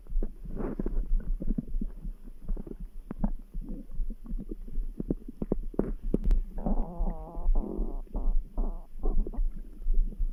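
Low gurgling and rumbling stomach sounds with soft thumping underneath; normal bowel sounds with a faint heartbeat in the background.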